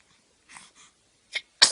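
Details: Soft breathy intakes, then a sharp hissing burst that cuts off: a two-year-old toddler's ordinary sneeze, with family saying "Alhamdulillah" afterward. Sneeze.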